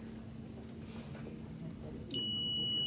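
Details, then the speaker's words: Classroom crash-cart training demonstration: a steady high tone changes pitch and grows louder as a defibrillator charges before a shock, as used for pulseless VF or VT, followed by an "all clear" call. "it's charged up what do you say all cleared yeah and no one put your hands up"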